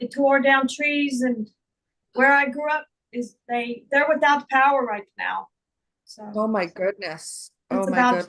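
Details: Woman with foreign accent syndrome who also reports difficulty remembering words, reading, and saying long words; foreign accent syndrome.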